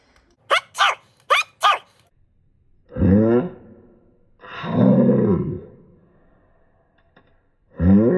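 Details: Animal sneeze in speed-altered playback: sped up into four squeaky bursts, then slowed into deep, drawn-out blasts.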